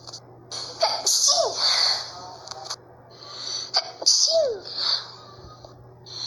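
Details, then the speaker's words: Person in Brazil sneezing for the first time in a long while: two bursts of sharp, hissing airflow, each with a brief voiced catch, and quiet background hum between them. "Nossa, fazia tempo que eu não espirrava. Nossa, fazia muito tempo que eu não espirrava."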